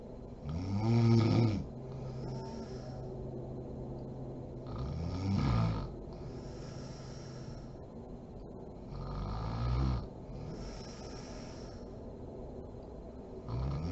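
Low, rumbling snores about 14 times a minute, separated by quiet breathing. Steady sleep snoring.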